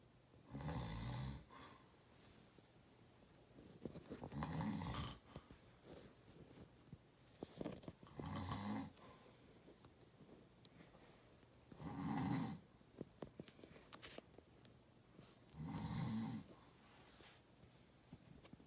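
Regular rattling snores on each in-breath, about 16 breaths a minute, with quiet clicks and breath noise between them.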